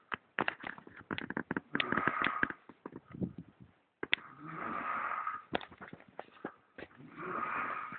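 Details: Adult woman snoring: loud, harsh, rattling breathing noise in long drawn bursts between quieter clicking sounds.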